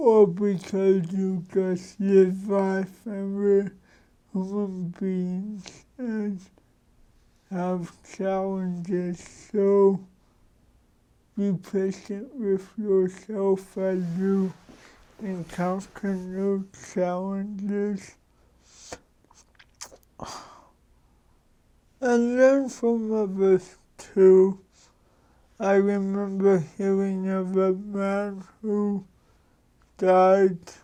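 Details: Adult man who has lived with cerebral palsy, a neurological disorder, for 53 years; real, unacted speech showing dysarthria due to cerebral palsy.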